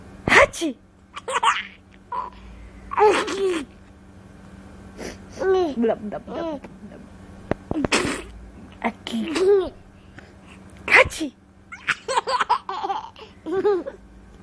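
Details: Several sharp adult sneezes in a row, each followed by a baby's giggling and laughter; ordinary sneezing.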